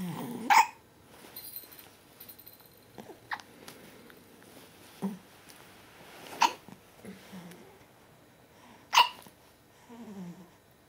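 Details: Hiccups: four sharp, brief clicking gulps at irregular intervals over about eleven seconds, with soft breathing between them.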